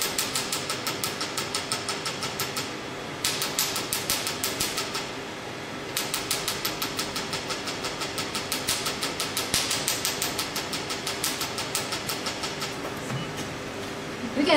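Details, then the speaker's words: Rapid sharp snapping clicks, about three per second, in runs with brief pauses, from a Q-switched Nd:YAG laser set to 800 mJ at frequency 6 and fired by foot pedal, during a whole-face carbon peel. "now working in the treatments after we set the energies 800 milli drop at frequency i use 6 frequency then you see we have the red line 2.0 where the layer is and then i press the foot pedal"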